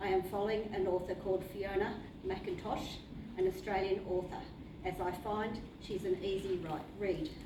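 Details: Woman with aphasia since 2005 after severe seizures at age 43, later diagnosed as CNS vasculitis and treated with high-dose steroids; initially global aphasia, with setbacks at three relapses; now Broca's aphasia with anomia, worse when tired or stressed.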